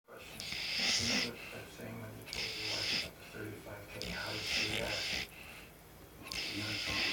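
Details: Sleeping, dreaming Coonhound snoring rhythmically, about 33 breaths a minute, with soft snorting on each cycle.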